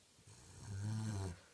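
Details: Cavalier King Charles Spaniel snoring while asleep: a single deep, rumbling snore, low and steady on the breath.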